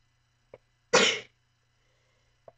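A quick breath in, then a single loud, explosive, hissing sneeze, and a small sniff afterward in a quiet room.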